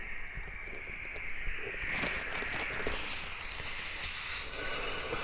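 Continuous gas hiss from oxygen flowing into a resuscitator bag's medication port; misconnected, so squeezing the bag delivers no oxygen.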